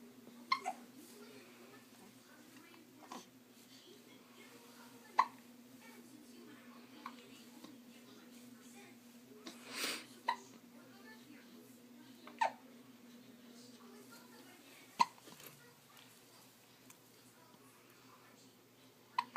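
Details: Quiet room with a steady hum; brief sharp hiccup sounds recur irregularly, about eight over twenty seconds; hiccups.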